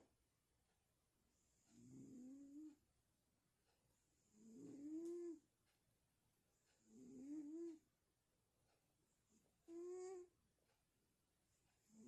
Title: snoring no.2